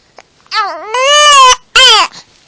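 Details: Infant upset by hiccups: loud, high-pitched, tonal crying in two long wails with a short pause between; infant crying.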